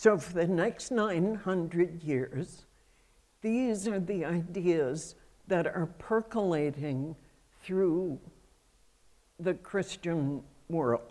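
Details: Adult female with self-reported spasmodic dysphonia, a voice condition that comes and goes; spasmodic dysphonia.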